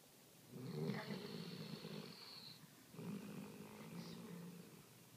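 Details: Gentle snoring: two soft, rattling breath sounds with a faint whistling edge over a few seconds.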